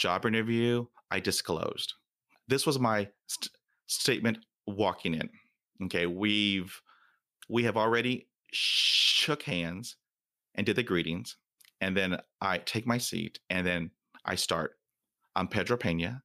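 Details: 26-year-old adult who has stuttered since childhood, had speech therapy twice, reports blocks and syllable repetitions and says he is stuttering during this recording; stuttering.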